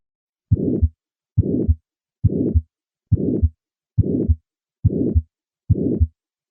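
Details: Aortic stenosis murmur heard at the cardiac apex (Gallavardin phenomenon): regular rhythm about 70/min with a harsh, higher-pitched diamond-shaped systolic murmur between first and second sounds; significant stenosis may delay and diminish carotid upstroke.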